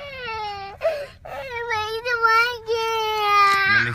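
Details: Young girl crying after a llama sneezed on her face while she fed animals at a wildlife safari: high-pitched tonal crying with wavering pitch and brief breaks.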